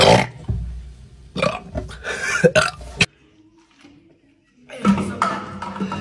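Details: Sprite challenge, people trying not to burp after drinking Sprite: loud, long, rumbling burps with laughter around them; ordinary belching.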